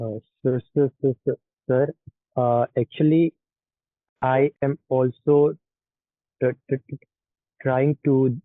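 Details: Participant in a stammering practice group trying cancellation and pull-out techniques, beginning with a sound repetition; stuttering.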